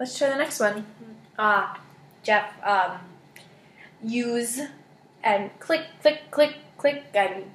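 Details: Wernicke's (fluent) aphasia in a patient naming picture cards of everyday objects in a therapy session, with fluent but empty, paraphasic speech and circumlocution.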